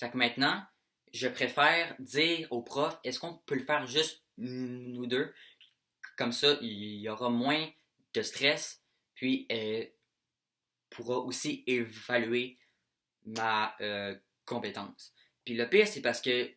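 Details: Young French-speaking male, stuttering since age 7–9; saw a speech therapist from November 2017, improved, then relapsed about 3 years later; worse with anxiety and excitement; stuttering.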